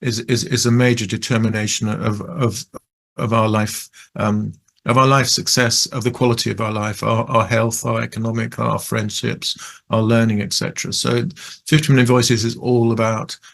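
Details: Adult male who describes himself as a person who stutters; stuttering.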